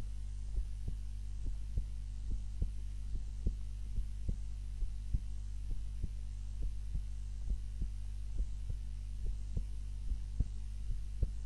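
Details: Own heart sounds recorded on a timer while napping, lying on the back (supine) rather than the usual face-down position: regular, soft low thumps, about 71 a minute, over a steady hum; normal heart sounds.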